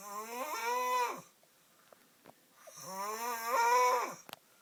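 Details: Brother heavily snoring in sleep: two loud, drawn-out, buzzing snores, each rising in pitch over about a second with quiet gaps between.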